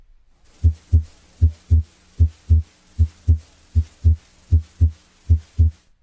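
Steady paired lub-dub heart sounds at about 77 beats a minute over the pulmonic area; normal physiologic splitting of the second sound with breathing.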